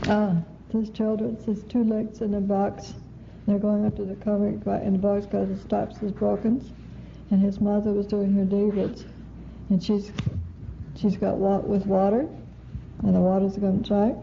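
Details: Female patient with fluent speech, good comprehension, poor repetition and naming, word and sound substitution paraphasias, atypically fast rather than hesitant; lesion in the arcuate fasciculus or its connections; conduction aphasia.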